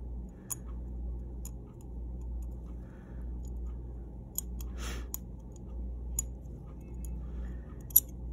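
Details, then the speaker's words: Manual dental scaling in a dog with heavy tartar and plaque: a hand curette scraping calculus at the gumline and in subgingival pockets, heard as faint scraping and sharp clicks over low room hum. "this curette scaler is actually I'm going to be using under the for under the sub gingival pockets and so as I go in through here I'm going to kind of keep it in alignment and just using it to scrape you get the video net to remove some of this calculus it's right up here at the gums"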